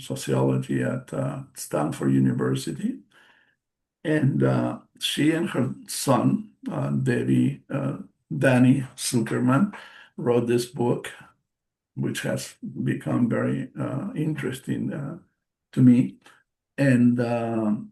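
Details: Adult male stroke survivor with post-stroke aphasia, non-native English speaker giving a presentation, with audible word repetitions and self-corrections; finding: aphasia.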